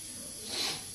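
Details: A brief hissing burst of spray rising and fading, a local anaesthetic sprayed into the nose by an anaesthetist preparing himself for his own awake nasal fibreoptic intubation.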